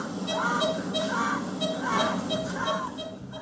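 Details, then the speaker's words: Baby with RSV struggling to breathe; rapid, noisy breathing with repeated high, honking wheezy sounds on each breath: bronchiolitis breathing with wheezy grunting respirations. "this baby has RSV which in little ones and in older folks can quickly and dangerously escalate"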